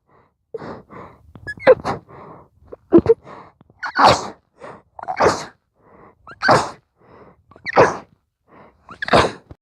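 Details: Very intense sneezing fit deliberately stifled, sneezes so fast breathing between them was hard: a run of sharp, stifled sneezes, each with a quick indrawn breath first, about eight in under ten seconds.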